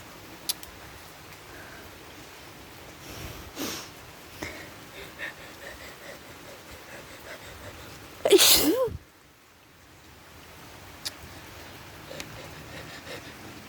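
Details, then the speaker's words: Person allergic to flowers deliberately sniffs flowers on the porch: a quiet sniff, then one loud, explosive sneeze in an otherwise quiet, rainy setting; a pollen-triggered sneeze. "but you know i'm gonna take a sniff and i'm gonna sneeze for you guys"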